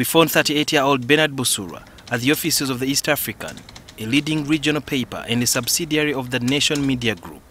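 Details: Adult male narrator; Normal fluent speech.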